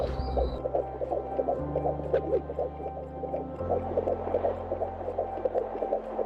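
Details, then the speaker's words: Fetal heartbeat on Doppler at 16 weeks of pregnancy: fast, regular whooshing pulses over a steady hum, about 160 a minute, described as beating very fast. "I'm gonna be quiet while you listen to my baby's heartbeat at, how far along was I? At 16 weeks. Yes. So now you will hear my baby's heartbeat at 16 weeks."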